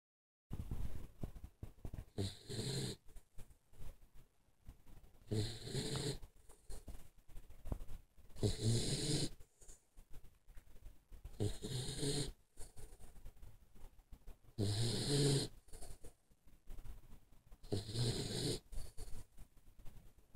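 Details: Repeated low, rattling snores, about 19 a minute and somewhat irregular, with noisy breathing between them; ordinary snoring.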